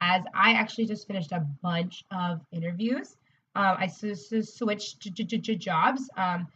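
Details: Adult woman, a speech-language pathologist, who describes herself as a person who stutters: stuttering.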